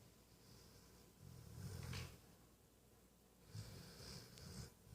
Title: The puppy snores